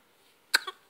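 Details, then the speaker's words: Happy, smiling baby boy with hiccups; one short, sharp cough-like burst in a quiet room: a single small cough. "Oh, cough them out. Those silly hiccups."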